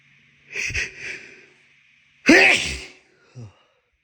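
A hissing inhaled build-up, then a sharp explosive wet sneeze with a brief small sound after.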